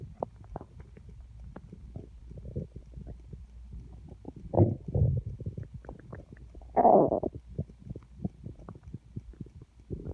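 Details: Borborygmi: loud gurgling, rumbling bowel sounds with bubbly clicks and two louder growls from a belly getting empty, rumbling felt against the hand.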